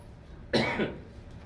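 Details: A single short, harsh cough from an adult man during a spoken Tamil sermon, trailing into a brief throat clear, in a quiet room; an isolated incidental cough.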